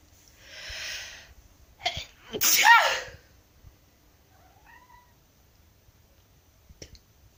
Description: My silly black cat 'kuro' complaining at me sneezing. 😰